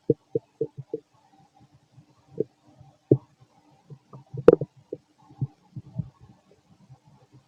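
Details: Fit male, stomach growling while digesting, very loud: irregular gurgling and rumbling bursts, some loud, scattered over several seconds; active bowel sounds (borborygmi) of normal digestion.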